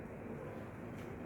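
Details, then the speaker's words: Nasogastric tube placement check: 5–10 cc of air pushed down the tube while listening with a stethoscope over the epigastric area gives a brief, steady rushing whoosh of air over the stomach. "ini ee apa sih didorong di sini Teh ada suara bunyi udara h Heeh kayak suara udara aja"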